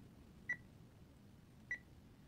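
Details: Two short, clear electronic beeps about a second apart over quiet room noise: keypad tones of a Baxter peritoneal dialysis machine during setup, pressing buttons to adjust the initial drain alarm.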